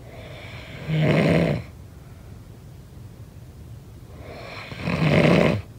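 Two rough, rattling snores about four seconds apart, with quiet breathing between them; ordinary snoring.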